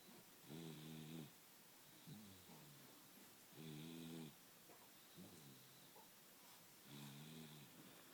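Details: Person snoring during a midday nap with rhythmic, buzzing, tonal snores roughly every 3 seconds, about 18 a minute, and softer breaths between; ordinary snoring.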